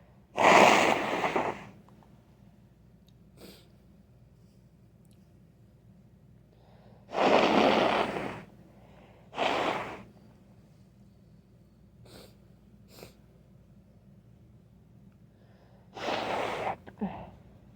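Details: Several loud, wet sneezes with sniffs and breathing between them; snotty sneezing with a cold.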